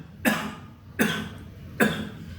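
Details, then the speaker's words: Adult gives three short, evenly spaced deliberate coughs, each a sharp burst that quickly fades, demonstrating voluntary coughing to relieve chest discomfort. "the second part is sometimes we feel some discomfort in our chest and we don't know what to do at that time cuff deliberately"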